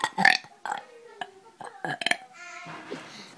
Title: The Burping Kid